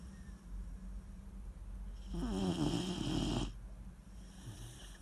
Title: Weimaraner puppy snoring